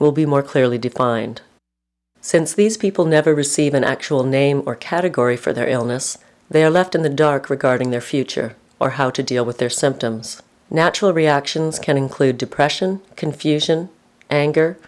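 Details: Adult narrator; normal speech.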